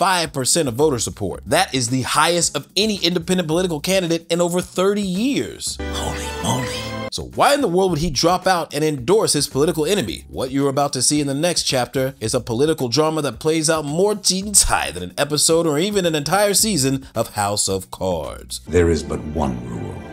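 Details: Adult male narrator; normal voice.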